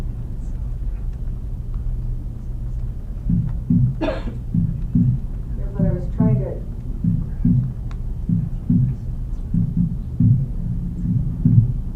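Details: Physiological splitting of the second heart sound.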